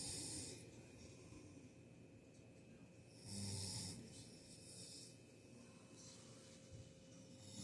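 Slow, irregular rumbling snores on breathing in, about 18 a minute, with steady room hum behind.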